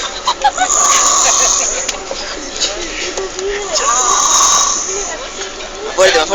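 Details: A man asleep during a trip snores loudly: two long, harsh snores over loud travel noise, with people laughing and talking in the background; snoring.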